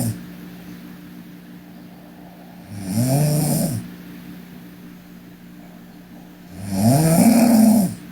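Two rough, rattling snores on breathing in, with quiet pauses between them and a steady room hum; ordinary snoring.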